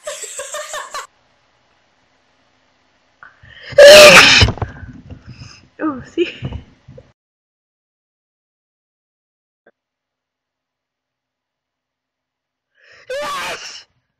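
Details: Girl who sneezes with her eyes open: a loud, sharp single sneeze preceded by a quick in-breath, amid brief voices and silence; ordinary sneeze.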